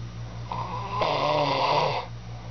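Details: Man snoring, though he denies that he snores: a single long, rough, vibrating snore lasting about a second over a steady low room hum.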